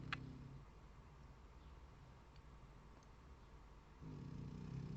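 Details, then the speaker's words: A sleeping pet snoring: soft, low, rumbling breathing noise, loudest at the start and end; ordinary gentle snoring. "Non mais vous voyez comme elle ronfle, Didou. C'est trop chouette, j'adore."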